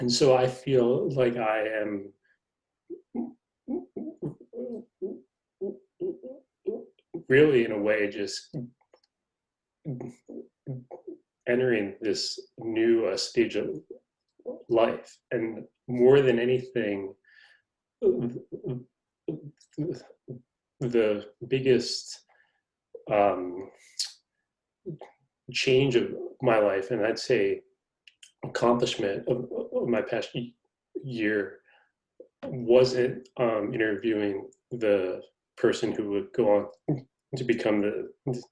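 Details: Stuttering in an adult man, a magazine reporter who describes himself as a person who stutters; his stutter is noted as quite evident in conversation.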